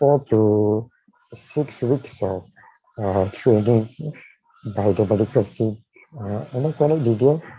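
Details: Dysarthria in a man with amyotrophic lateral sclerosis (ALS), diagnosed in 2018, with a tracheostomy placed in late September of the previous year.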